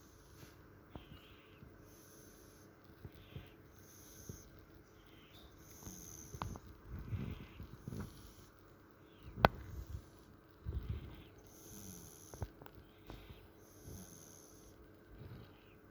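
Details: Cat snoring while asleep: quiet, soft snuffling snores with small sniffs over faint room noise.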